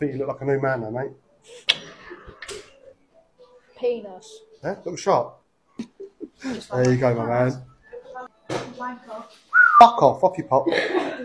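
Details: Tourette syndrome vocal tics in an adult barber with Tourette's, producing sudden out-of-context words and swearing while cutting hair.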